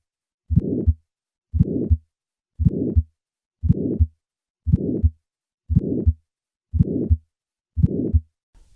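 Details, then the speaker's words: Bicuspid aortic valve with aortic stenosis: regular heartbeat about 58 per minute with a harsh murmur filling systole between the heart sounds. Bicuspid valves can produce a high-pitched, widely radiating ejection click that does not vary with respiration. "summary bicuspid aortic valves can produce an ejection click this sound is high-pitched radiates widely and does not vary with respiration"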